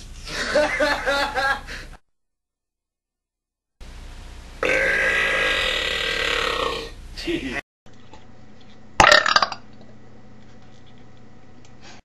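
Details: Recording made in 1986 of two men burping, singing, smoking and drinking: cut segments with loud, voiced, drawn-out belches and a short sharp sound; repeated burping.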